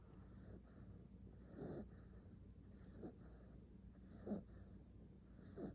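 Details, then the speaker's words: Sleeping female American Bully puppy: soft, rhythmic snorting breaths with faint airy noise, about four in six seconds, over low room hum; snoring. "She's gonna be a snorer. Listen to her."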